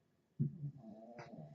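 A short, low rumbling breath sound from a sleeping dog, fitting a single loud snore, after a brief silence.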